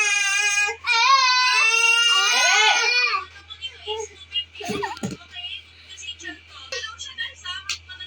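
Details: Infant cries loudly and high-pitched for about three seconds, then quieter fussing against a low room hum.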